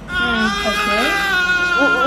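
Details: Newborn baby girl's first cry just after delivery in hospital, mother under anaesthesia with oxygen: high-pitched, wavering, vigorous cry, faint voices in background.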